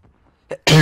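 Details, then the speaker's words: A single real sneeze, not edited out, in the middle of spoken commentary over Uncharted 4 multiplayer gameplay: a quick intake of breath, then a sudden, loud, explosive burst of air. "know if you guys ever see me sneeze but there you go i'm going to not edit that out anyway"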